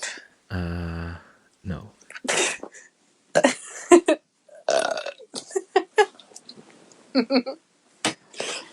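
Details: A woman's (girlfriend's) beer burp: one long, deep, croaking burp, followed by her talking and laughing.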